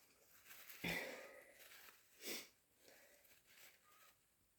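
Two sharp, wet, explosive bursts about a second and a half apart, each after a short intake: sneezes, in a quiet room.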